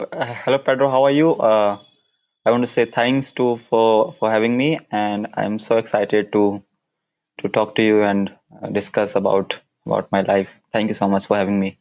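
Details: Stuttering (stammering) in an adult man whose stutter began at around nine years old and persists into adulthood, with repetitions noted.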